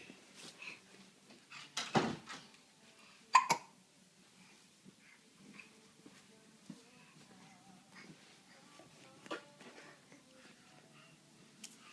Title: Hiccups!